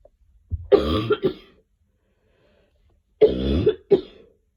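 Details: Adult coughing: two short runs, each a strong burst followed by two or three smaller coughs.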